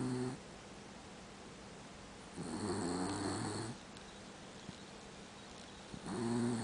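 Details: Dachshund mix dog snoring; slow, droning snores with a buzzy low tone, about 18 breaths per minute, with steady background hum.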